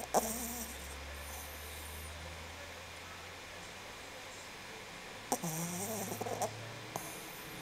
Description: My dog loves to snore when she's asleep.